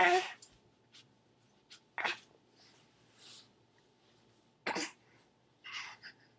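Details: Baby sneezing: several short, sharp bursts of air in a quiet room, with soft snuffling between them; repeated sneezing.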